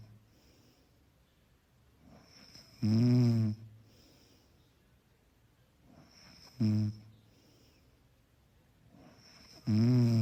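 Deep, rattling snores on each breath in, about three in ten seconds, roughly 18 breaths a minute, with quiet breaths out: ordinary snoring.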